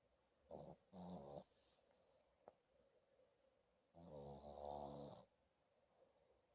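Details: Sleeping dog snoring: rattling, fluttering snores on breathing in, with quiet pauses between.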